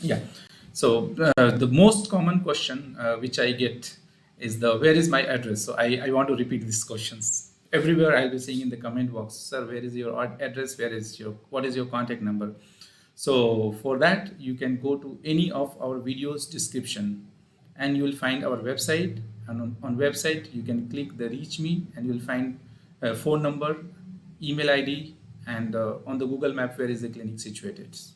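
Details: Adult male speaker; Normal speech.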